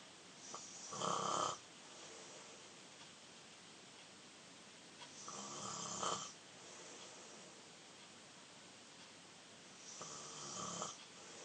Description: My then 13 year old younger brother snoring.